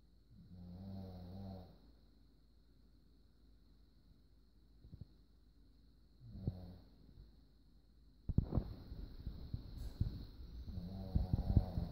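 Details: Snoring during sleep: soft, low snores on a few breaths, with rustling noise later.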